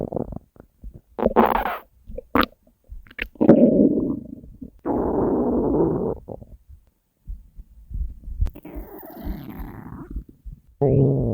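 Irregular low gurgles, rumbles and squeaks of a growling empty stomach, normal bowel sounds from hunger.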